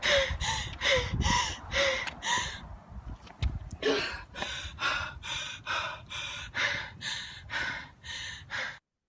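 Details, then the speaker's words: Rapid, labored gasping breaths with a high whistling tone from an athlete struggling during exercise, shown in a sports respiratory clinic talk; wheeze and breathlessness, not necessarily asthma: exercise-related wheeze with breathlessness. "you can see, you know, if they said to you, "I've got weeds and I'm breathless." You'd first of all think, you know, they must have asthma, really."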